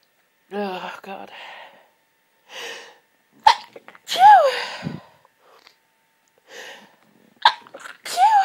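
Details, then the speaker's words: Intense half-stifled sneezing fit lasting about 20 minutes, with a congested, tickly nose and hay fever after medication wore off: repeated forceful, partly stifled sneezes with gasping in-breaths between them. "God this fit has been going on for the last 20 minutes but I've only just been able to start recording it"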